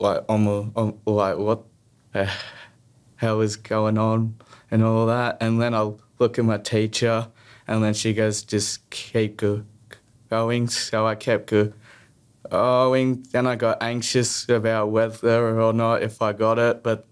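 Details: Stuttering in an adult male, present since childhood and persisting, with repetitions, prolongations and blocks.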